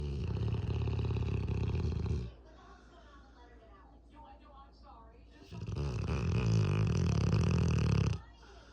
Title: Snoring Cane Corso 🐶 💤